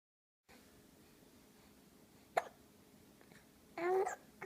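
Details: A single sudden, sharp catch followed later by a brief voiced sound over faint room noise; hiccup.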